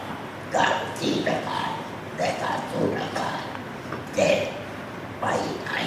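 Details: Person whose larynx was completely removed, practising speech with the esophagus, forming words after first producing the sound 'a'; esophageal speech.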